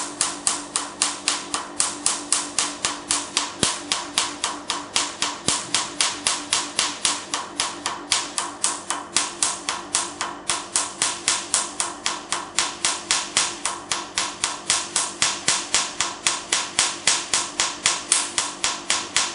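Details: Q-switched Nd:YAG laser firing pulses during a "black doll" skin treatment: rapid, very regular sharp snapping clicks, about 230 a minute; patient asked about pain says it's tolerable.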